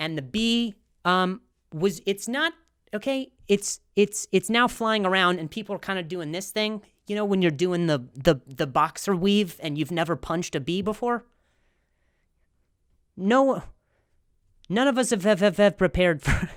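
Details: Man, a comedian with a stutter, speaking with repetitions; stuttering.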